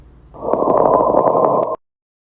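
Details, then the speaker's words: Pleural friction rub in a lung-sound teaching demonstration: a rough, grating, leathery noise over the chest, heard with every breath in and out. "let's listen and last plural friction rub keyword here is leathery sounding and this will be heard with every breath in and out"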